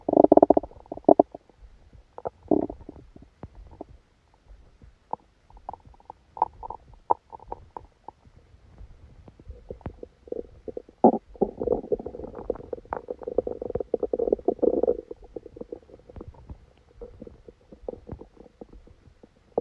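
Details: A person's abdomen recorded during a stomachache after Christmas dinner, partly while asleep: repeated gurgling and rumbling with longer bubbling stretches; active bowel sounds (borborygmi).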